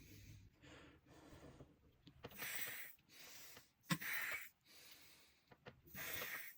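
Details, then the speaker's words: Near-maximal load during maximal inspiratory pressure test on a threshold inspiratory trainer, emptying lungs before each attempt: quiet exhalations then short, strained, hissing inhalations against high resistance. "Là, ça devient difficile pour moi. Du coup, ce que je fais, c'est que je vide bien mes poumons."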